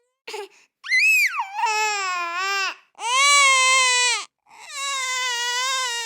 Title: Baby Crying Sound Effects